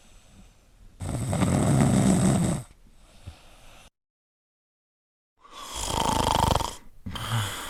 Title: snoring sounds #